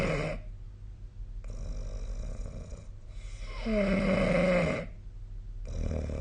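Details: Sleep snoring recorded with the SnoreLab app: noisy sleep breathing, where one breath carries a loud, low, vibrating snore with a fluttering rumble before quieter breaths resume.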